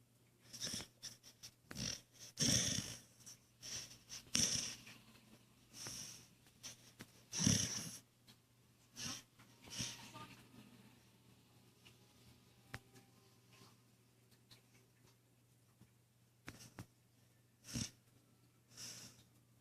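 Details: Female Blue Heeler dog asleep on a chair, snoring: irregular noisy snorting breaths, roughly a dozen a minute, with quiet pauses; she is woken at the end.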